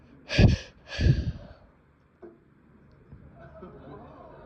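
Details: Heard while watching a TV sitcom with dialogue around it: two sharp gasping bursts about half a second apart, like the run-up to a sneeze, then quiet room noise; sneezing.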